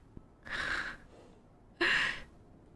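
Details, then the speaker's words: Streamer sneezes during a live horror-game stream: a sharp, breathy intake followed by a single forceful, hissing burst of air, then apologizes. "you heard my sneeze sorry sheriff I couldn't help myself"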